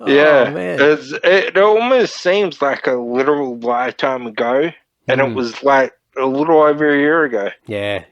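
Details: Man, 31, with Friedreich's ataxia diagnosed at 14, a neurodegenerative disorder; he reports slurred speech and word-finding struggles as part of the disorder; finding: dysarthria (ataxic, Friedreich's ataxia).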